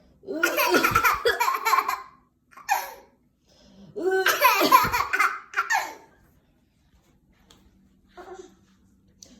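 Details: Brief, sharp single adult coughs from the mother alternating with long bursts of hearty infant laughter in a quiet room; cough.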